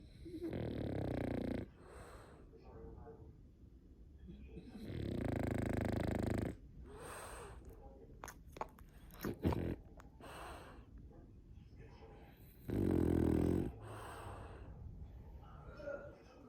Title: Cute Frenchie snoring while hugging owner